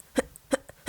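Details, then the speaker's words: A person with mild Tourette syndrome makes short, evenly spaced voiced 'h' bursts, four in quick succession, mirroring how they write the letter: simple vocal tic. "Oh my gosh. I still do it with my voice, too."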